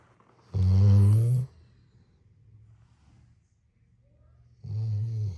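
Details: Two loud, low, buzzing snores about four seconds apart, with quiet between them: snoring.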